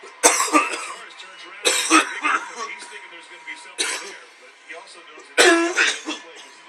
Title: cough-a-thon